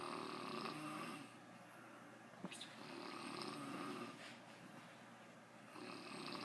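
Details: Low rattling snores on sleep breaths, separated by quieter pauses, with faint room noise, from a sleeping adult man; snoring.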